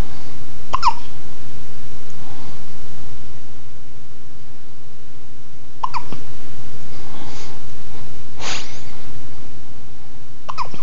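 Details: Baby: four or five brief, sharp hiccup bursts over about ten seconds against low room hum; ordinary infant hiccups.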